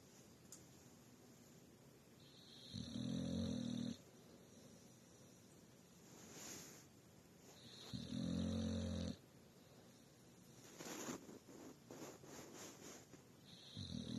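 Loud, low rumbling snores repeat every few seconds with quieter breaths between: a dog snoring in sleep.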